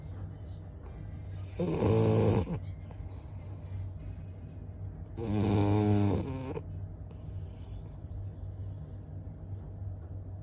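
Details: Two loud, rough, vibrating inhaled snores, about 16 a minute, over a steady low background hum; snoring.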